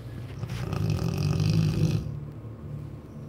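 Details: Cane Corso dog snoring: a deep, loud, rumbling snore lasting about two seconds, then fading to softer breathing.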